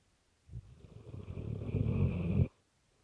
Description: My rottweiler Lex is snoring in the middle of the night :)